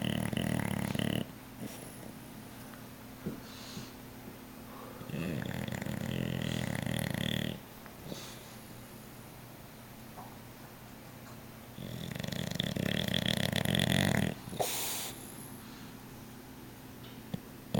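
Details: Dog sleeping on a couch: loud, rumbling snores in long breath-length bursts, three in about eighteen seconds, with quieter breathing between. Ordinary snoring.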